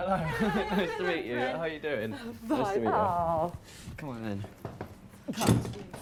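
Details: 21-year-old man with severe Tourette syndrome, with stress- and anxiety-triggered vocal tics including involuntary swearing, greeting someone; coprolalia (vocal tic).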